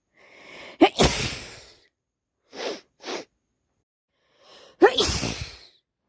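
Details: Hay fever sneezing with itchy, runny nose: two full sneezes, each preceded by a sharp inward breath, with quick sniffs between; housemate passing tissues.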